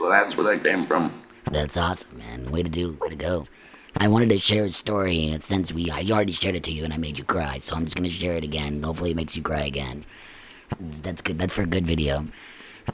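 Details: Adult male after laryngectomy speaking with an electrolarynx held against the neck; lymphedema made finding the device's sweet spot difficult and persists; electrolarynx speech.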